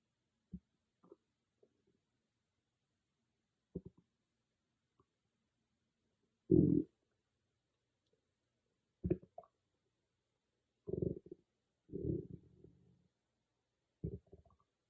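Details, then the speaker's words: Loud ordinary stomach growling (borborygmi) recorded on an iPhone microphone without an ASMR microphone: short low gurgles and rumbles from the belly separated by quiet gaps. "Hey growlers, I just want you to see how loud my stomach could get with no ASMR microphone, just an iPhone um, audio."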